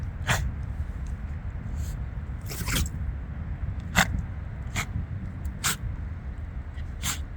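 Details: Female dog sneezing repeatedly and unable to stop, about six short sharp bursts over seven seconds; sneezing.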